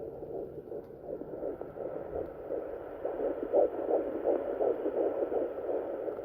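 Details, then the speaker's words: Rapid, regular whooshing fetal heartbeat on a Sonoline home fetal Doppler at 11 weeks 4 days of pregnancy, baby still low; the device reads 153 to 155 beats a minute, normal for early pregnancy. "right now it's up to 153 155 I just try to hold it up closer to the phone so that you can hear it"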